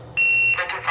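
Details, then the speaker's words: Single high-pitched electronic beep, then a brief rush of released air, as a SeQual eQuinox portable oxygen concentrator powers off after the power button is held about two seconds. "to power the device off you would hold the power button down for about two seconds and release it"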